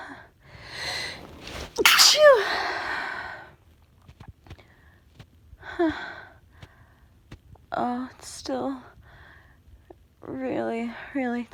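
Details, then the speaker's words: Person home sick, sneezing: two forceful sneezes, each with a sharp inhaled build-up and a loud burst, then brief quiet speech. "Achoo! Achoo! I'm gonna sneeze. I'm gonna sneeze. Achoo!"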